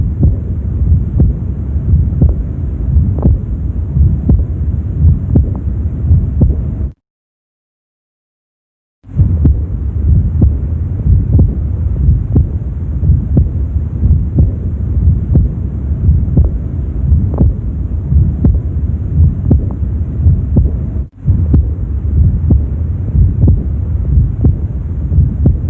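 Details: Aortic regurgitation murmur heard at the mid left sternal border, 3rd intercostal space, on heart auscultation.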